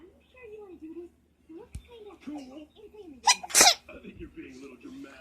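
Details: Sneeze that the sneezer likens to an anime girl's sneeze.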